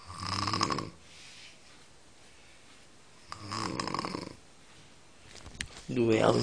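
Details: Grandmother snoring: two rough, vibrating snoring breaths with quiet gaps between them, against faint room noise.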